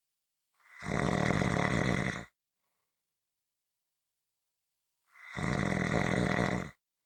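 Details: Two loud, harsh, rattling snores, each about a second and a half long, separated by silent pauses: heavy snoring.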